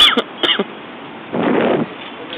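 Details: Sick adult coughing after climbing to the Eiffel Tower's second floor: a few brief throaty bursts, then one harsh half-second cough over faint outdoor noise.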